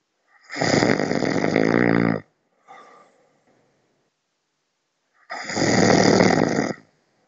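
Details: Person snoring during sleep, described by their partner as loud: two loud, long, rattling snores with a quiet breath between them, in a silent room.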